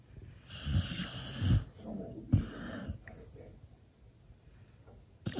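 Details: Low, rumbling, irregular breathing with soft snorts and some higher whistling, from a sleeper with tongue out and twitching; loud snoring.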